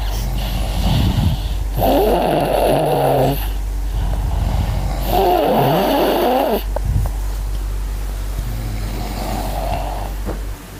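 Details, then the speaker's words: Father and young child snoring together during sleep, with loud, rattling snores in long, regular waves and rough breathing noise between. "ini bapak sama anak sama-sama ngorok. Yuk, nih coba dengerin ya suara mereka ya."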